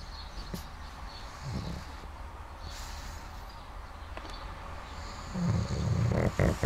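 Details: A six-year-old pug snoring early in the morning: snuffly snorts rising into a loud, rough, rattling snore near the end; snoring in a flat-faced dog.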